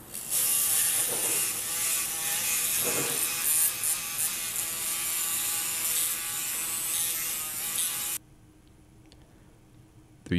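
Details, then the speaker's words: Loud, high-pitched buzzing of an oscillating saw for about eight seconds, then it stops: the distal femoral cut through a cutting guide during a left total knee arthroplasty. "the distal femoral cutting guide is placed the distal feral cut is then made"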